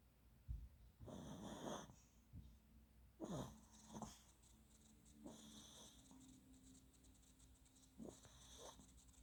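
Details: Dog snoring while asleep, also sleep-talking; soft rhythmic snoring with whistling, wheezy breaths, about four breaths over nine seconds.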